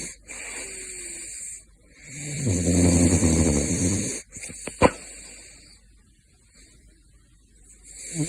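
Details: Sleeping caracal snoring: a loud, low rumbling snore with a steady hiss and clicks in the background; snoring.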